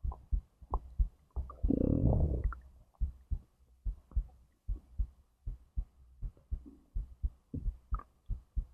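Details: Own recording of a whole digestive process from stomach to intestines, with heartbeat; gurgling and rumbling of the gut over a rapid steady thumping heartbeat; normal bowel sounds.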